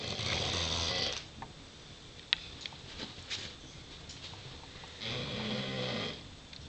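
Deep, rattling snores with a wet, flapping quality, about two breaths heard with quieter gaps between; heavy-jowled dog snoring.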